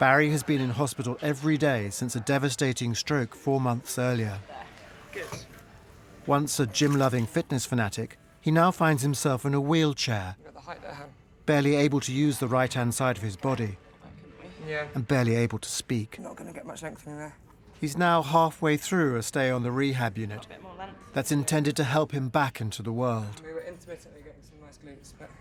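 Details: Adult male narrator; normal speech.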